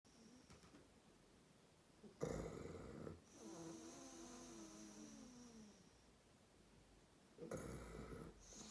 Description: Hugo fast asleep snoring his head off funny happy bulldog